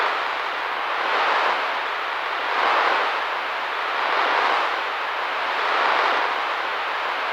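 A steady, ocean-like rushing noise in the middle pitches, swelling gently and softly every second or two. This is a simulation of roaring-type tinnitus, a low rushing noise heard in the ear that is less common than hissing or tonal tinnitus.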